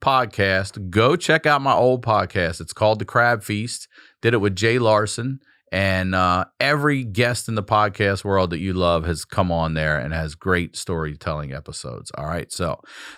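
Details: Adult male speaker; ordinary speech.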